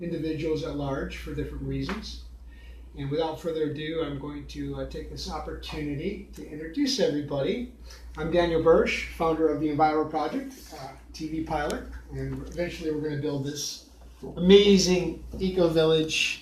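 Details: Adult male speaker; normal speech.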